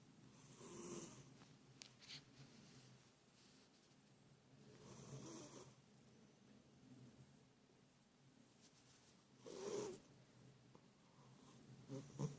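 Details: Soft, breathy snores about every four to five seconds, roughly 13 a minute, from a cat sleeping soundly with its tongue sticking out, snoring like a human.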